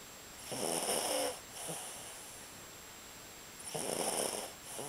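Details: Sleeper snoring: two rattling, fluttery snores on the in-breath, about three seconds apart, in a quiet room.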